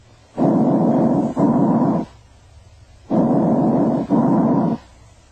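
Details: Two breath cycles with inspiration and expiration of similar length and loudness and intermediate pitch, as heard at the first and second anterior interspaces or between the scapulae: normal bronchovesicular breath sounds.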